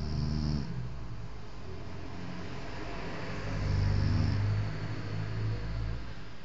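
A low, fluttering rumble rises and falls with the breathing of a sleeping infant, heard as snoring.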